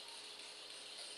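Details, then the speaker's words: Steady high-pitched whirring and hiss of a roughly 5.5 mm arthroscopic shaver with oscillating blade and suction, removing subacromial bursitis tissue during shoulder arthroscopy, patient lying on their side; arthroscopic shaver running. "this is a this is what we call an arthoscopic shaver that has an oscillating blade and some suction similar to a Dremel type device"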